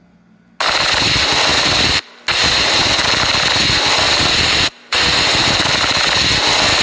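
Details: Pleural friction rub: three long bursts of harsh, dense grating sound with brief pauses, following the breathing phases, from a lung examination lesson.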